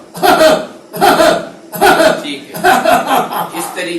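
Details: Chest physiotherapy coughing technique for acute COVID-positive patient: four forceful voluntary coughs in quick succession, an airway clearance effort to bring up secretions.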